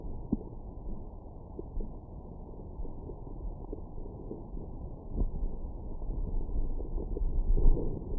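Low, muffled rumbling and gurgling sounds from the belly, continuous and irregular; ordinary stomach growling after a meal.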